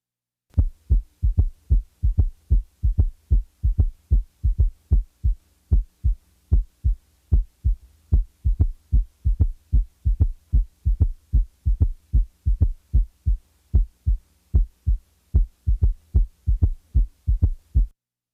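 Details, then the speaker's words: Teaching recording of a third heart sound (S3): regular heartbeat about 75 a minute with a soft, low early-diastolic extra sound just after the second sound, occasionally removed to show its position in the cardiac cycle. "listen to the following s3 the third sound will be taken out occasionally to enable you to determine its position in the cardiac"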